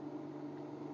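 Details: Gele GE1-5L-W medical-grade oxygen concentrator (maximum 5 L/min) running, flow regulator knob turned down from 5 through 4, 3, 2 to 1 L/min; steady low mechanical hum with faint whir.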